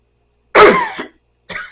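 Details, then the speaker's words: Two dry, harsh cough bursts from an adult with asthma diagnosed since birth, who describes coughing all the time: the persistent cough of cough-variant asthma. "my asthma is the reason I cough all the time I have what's called coughing asthma"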